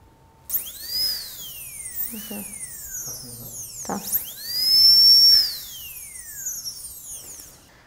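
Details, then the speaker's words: High-speed dental handpiece from a dental student's kit, diamond bur pushed in fully via push-button chuck, then run: shrill whine rising in pitch, holding, then falling, twice, as it spins up and winds down. "você solta o bóton e já pode acionar a sua caneta de alta rotação"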